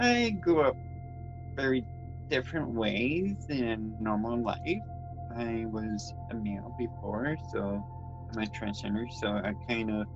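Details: Dysarthria in an adult transgender woman born with cerebral palsy (congenital), who also reports grammar difficulties and has attended learning-disability support programs.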